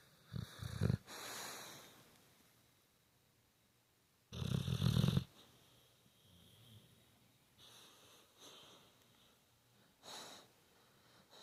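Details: A dog snoring, with low, rattling snorts on inhalation followed by quieter, breathy exhalations.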